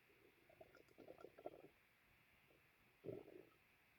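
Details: Gurgling, bubbling rumbles in two bursts with a quiet gap; loud stomach growling (borborygmi) with a full stomach after lunch.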